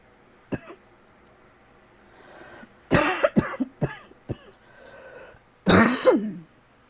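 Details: An adult with a persistent tickly cough that lasts all night gives a brief cough, then four sharp dry coughs and one more forceful cough after a quiet breath; the cough is dry and nonproductive.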